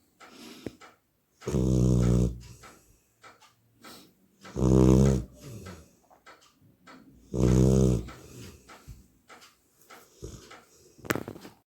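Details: A sleeping Labrador puppy gives loud, buzzing, human-like snores about every three seconds with quiet breaths between; dog snoring.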